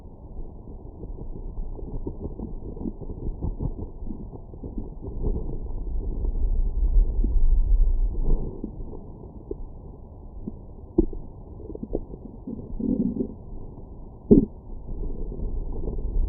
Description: My #StomachGrowls after breakfast.